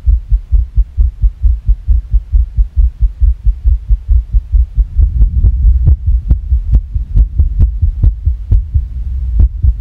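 Rapid low heartbeat thumps, about 136 a minute, with a slightly uneven rhythm and steady hum underneath; a fast irregular heartbeat.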